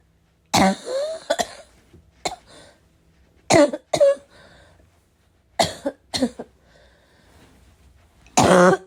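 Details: Heavy barking smoker's cough from someone who vapes, unsure whether it is from the vape or an oncoming illness: harsh barking coughs in several bursts with throat clearing between them.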